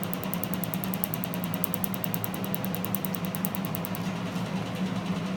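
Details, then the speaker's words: Piqo4 tattoo-removal laser firing at 10 pulses per second on the red ink of a black, green and red tattoo already treated once. Rapid steady ticking over a low machine hum, then hum alone. "okay so we do we're doing it 10 times per second the laser goes off at 10 times per second we're going to treat the Reg right here"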